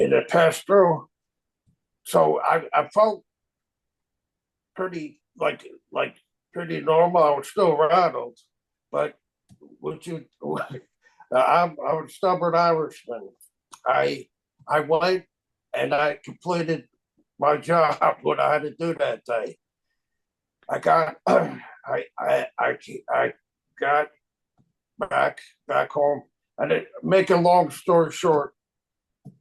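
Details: Aphasia resulting from stroke in a man, a stroke survivor of 25 years, living with chronic post-stroke aphasia.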